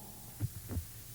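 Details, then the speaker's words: Lamb heartbeat as two soft low thumps, a single lub-dub, replayed in a mid-1980s children's TV sound-guessing game. "The sound is heartbeat of a lamb."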